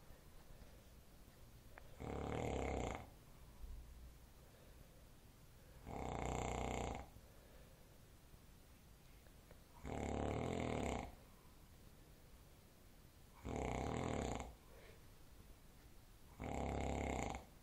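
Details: Adult male, a father, snoring heavily "like a tractor": five loud, harsh, rumbling snores about every four seconds, roughly 15 breaths a minute, over room hiss.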